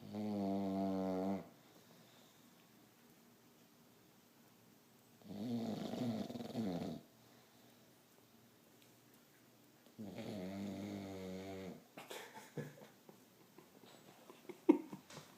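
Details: Sleeping dog snoring: three slow, rumbling, vibrating snores about five seconds apart, roughly 12 breaths a minute, in a quiet room; ordinary sleep snoring.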